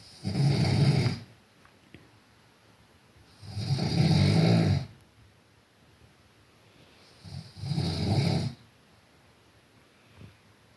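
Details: White German Shepherd dog snoring: loud, low rumbling snores in a slow, somewhat uneven rhythm, about 16 per minute, with quiet pauses between them.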